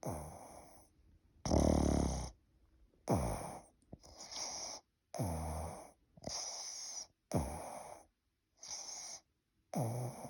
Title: Can’t imagine this snoring lol